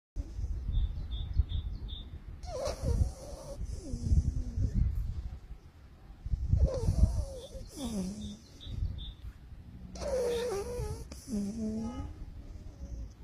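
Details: Sleeping American Staffordshire Terrier puppy snoring, with low rumbles and squeaky, whistly noises on each breath about every 3-4 seconds.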